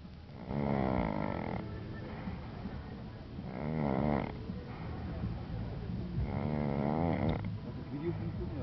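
Deep, rattling snores on each breath, three across nine seconds, over steady low background noise; ordinary snoring.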